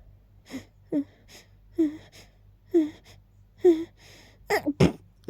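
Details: Rapid repeated sneezing with build-ups after smelling lilies and keeping them nearby: a run of about six sneezes, roughly one a second, some preceded by short indrawn build-up breaths.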